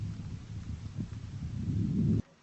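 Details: Symmetric normal vesicular breath sounds heard through a stethoscope on the back along the scapular line, 7th–9th intercostal spaces, right and left.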